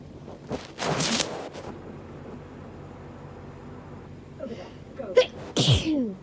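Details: Hay fever sneezing, filmed over 3–4 days: two loud, forceful sneezes separated by a pause over steady background noise.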